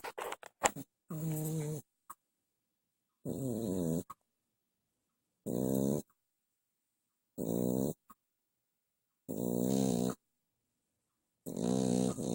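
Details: Small dog snoring while asleep behind the owner: loud, rattling snores of about a second each, repeating every two seconds with silent gaps between.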